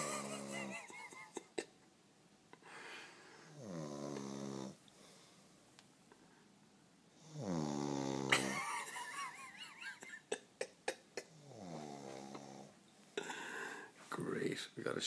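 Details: A man snoring heavily: loud, rattling snores on each in-breath a few seconds apart, with short clicks and some room noise between them.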